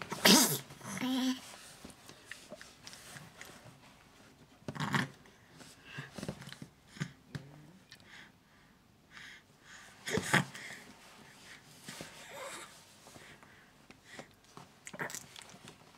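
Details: 3-month-old triplet baby boy, just woken up, sneezing: a few short, sharp sneezes separated by quiet room noise and small stirring sounds.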